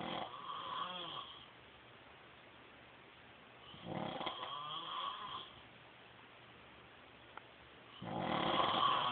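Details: Husband snoring during sleep: loud, rough, rattling breath noises recur about every four seconds, roughly 15 a minute, with quiet pauses between.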